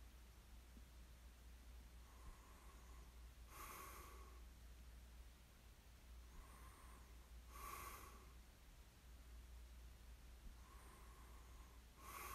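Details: Snoring ASMR recording of a sleeper: slow, noisy breathing, one breath about every four seconds, a soft snort on each breath over a steady low background hum, light snoring.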